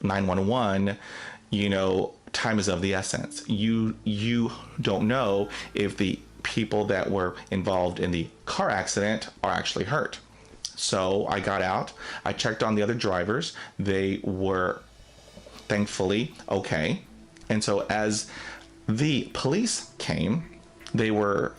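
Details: Adult man who stutters, narrating; stuttering.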